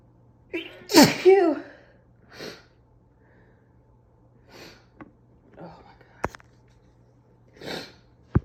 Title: Morning allergy sneezes